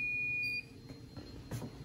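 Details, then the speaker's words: Electronic apex locator giving a brief steady high tone as the endodontic file reaches four red bars (22 mm), at the radiographic apex, in an extracted tooth set in alginate, during root canal working-length determination. "seriously dad okay there we go let's take a look at this so at four red bars essentially the file is at the radiographic apex"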